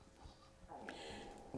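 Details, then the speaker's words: An elderly woman's stomach rumbling (borborygmi) during an interview, noticed by her, with the interviewer suggesting hunger. "sorry can i start that again yes my stomach did it oh you must be hungry"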